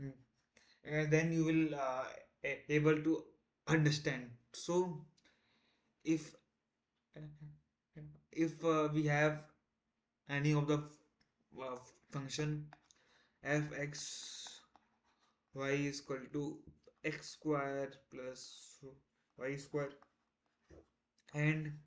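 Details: Male self-described person who stammers, day 1 of a 30-day stop-stammering challenge, trying not to stammer while explaining a math topic; stuttering.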